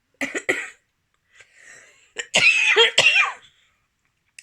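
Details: Adult doing FasterEFT tapping for a childhood trauma memory, reporting chest tightness and earlier difficulty breathing: a few short, throaty coughs with throat clearing in a quiet room.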